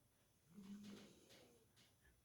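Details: One soft, low snoring snort from a sleeping pet, with quiet room noise before and after; snoring.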